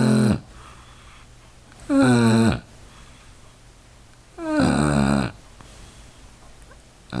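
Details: Dog snoring loudly in sleep: deep, rumbling snores roughly every two and a half seconds over steady room hiss; heavy snoring.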